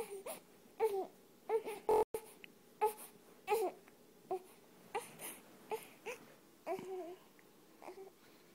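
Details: Infant crying in short repeated fussing bursts with brief pauses while a cat soothes the baby toward sleep.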